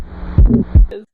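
Two low heart thumps with a soft whooshing sound between them, an innocent murmur that is harmless.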